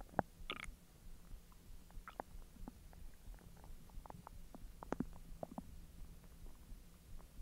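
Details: Bowel sounds recorded after eating hotdogs following 10 hours with a completely empty stomach: frequent soft gurgles, squelches and clicks over a steady low hum during digestion.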